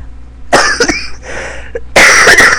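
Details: Several loud, harsh coughs in quick succession with strained breaths between bursts, from an older woman who has been sick since a trip and unable to recover; cough.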